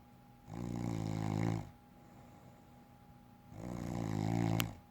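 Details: Wife snoring during sleep: two long, buzzing snores about three seconds apart, steady room hum in background.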